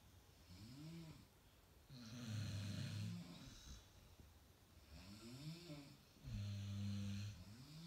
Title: Synchronized snoring.